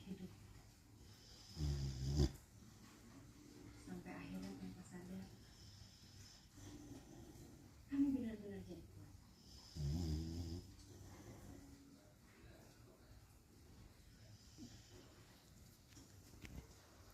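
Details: Beagle snoring while asleep after bathing: low rumbling breaths with soft whistling and snorting recurring at intervals, faint background talk.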